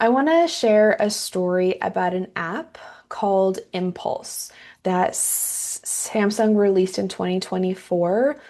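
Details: Woman who identifies as a person who stutters, with audible repetitions; she says metronome-paced speech sounds fluent but is taxing for her; stuttering.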